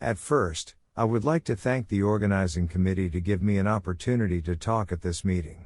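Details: Adult male speaker; normal speech.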